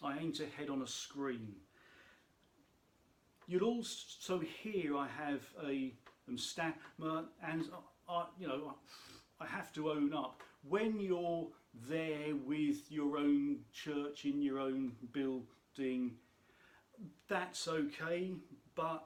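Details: Adult man who states he has a stammer, which he says can be heard in his speech; stuttering (stammer).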